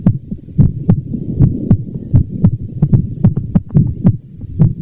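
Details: Heart sounds: repeated low thumping heartbeats, roughly 70 to 75 beats per minute.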